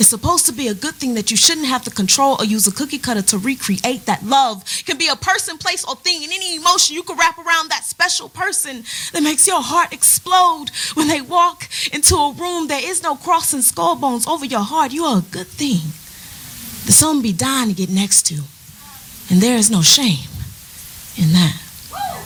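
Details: Adult woman speaking; normal speech.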